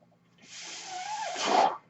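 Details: Airflow from the speaker's own mechanical ventilator, heard while he records a spoken podcast: a single rushing hiss that builds then cuts off, with a faint whistling tone, as one breath is delivered.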